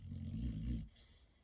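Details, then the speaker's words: Snoring in a sleeping dog named Riley during the morning: a single deep, rumbling, low-pitched breath sound, then quiet. "Riley snoring away the morning."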